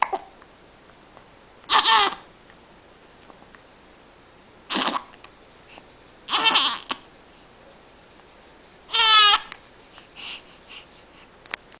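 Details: A baby gives four short, abrupt voiced catches a few seconds apart: ordinary infant hiccups.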